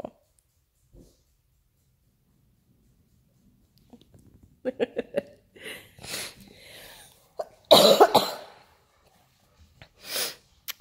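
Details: Adult home sick with flu, taking Theraflu, in a quiet room: a quick run of short coughs, then louder harsh bursts and a final cough; repeated cough.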